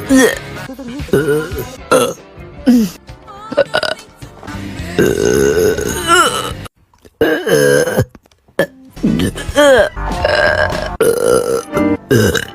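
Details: Repeated loud hiccup burps over background music and talk; burping.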